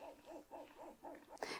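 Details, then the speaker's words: Medela Symphony hospital-grade double electric breast pump, mother and baby separated: rhythmic whooshing hum, about three slow cycles a second, in steady suction once the pump moves from stimulation to vacuum phase. "so you can monitor this and when you see the vacuum phase begin you can either press this button or you can turn the machine off and turn it back on"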